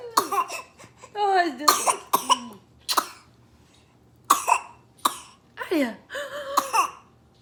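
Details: Mother's pretend (simulated) repeated sneezing: several sharp explosive adult sneeze-like bursts, with her baby's laughter and voice between them.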